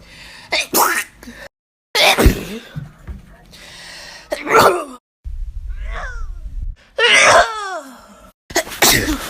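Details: Compilation of ordinary sneezes from several different people, cut together with short gaps and a brief musical snippet, used for comedy.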